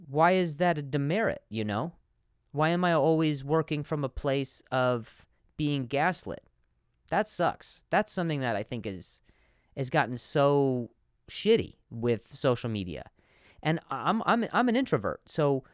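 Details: Adult man who stutters and finds some words harder to say on some days; repetitions of words and syllables; stuttering.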